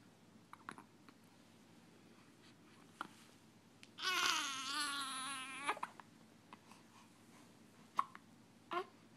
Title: baby vs. hiccups